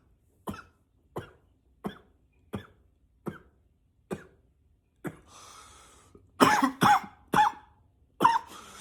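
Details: Deliberate coughing repeated many times: seven short, dry, evenly spaced coughs, then a few louder coughs intentionally pitched deeper.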